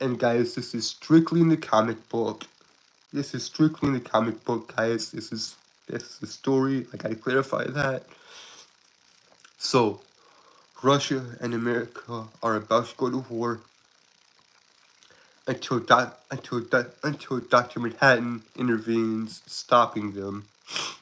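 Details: Adult Southern man who describes himself as a stutterer with a speech impediment, currently sick: stuttering.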